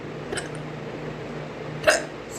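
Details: Morning hiccups from a woman at about 6 a.m. before brushing her teeth: two brief, sharp involuntary gulping sounds, a soft one then a louder one.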